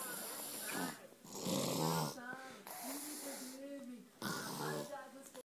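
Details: Sleeping: loud, rough, snorting snores in repeated cycles with squeaky whistling tones; heavy snoring.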